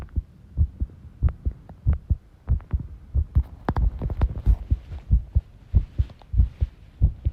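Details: Heart sounds recorded while tidying a room, arrhythmia noted: heartbeats at about 94 a minute with uneven spacing, faint room noise; irregular heart rhythm.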